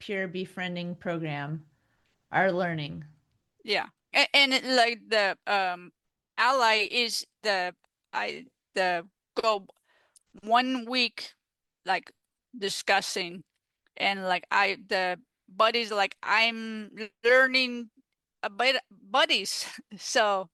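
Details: Female stroke survivor with aphasia after stroke, speaking in an interview; aphasia.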